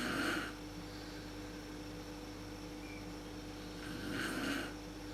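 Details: Adult woman (mother) snoring in a dark room, worst at sleep onset, recorded on a PowerShot SX130 IS camera: two rough, rattling snores about four seconds apart over steady electrical hum.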